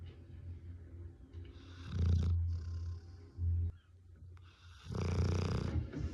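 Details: Female Rottweiler dog snoring: deep, rumbling snores with loud rasping peaks, about 20 a minute, likened to a man's snoring; heavy snoring.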